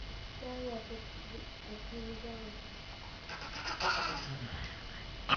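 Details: A young child makes soft voiced sounds, then a short rough throat-clearing burst, done in play while coughing in play.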